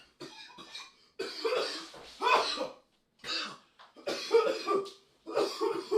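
A dog gives repeated harsh, hacking coughs in short bursts with brief pauses between them, a coughing fit in a small room.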